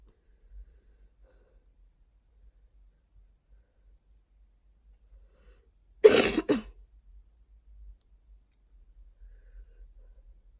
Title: summer cold coughing